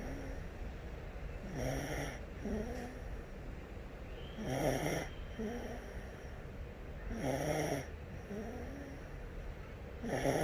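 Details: Sleeping 8-month-old baby girl snoring: soft, rhythmic snoring with each breath, about 21 breaths a minute, over a steady background hiss; infant snoring.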